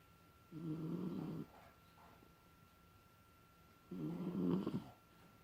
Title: Smalldog Snoring